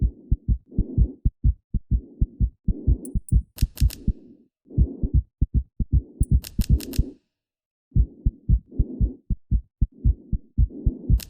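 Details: Rapid, regular whooshing heartbeat at roughly 140 a minute with a few sharp clicks; heartbeat audio recording.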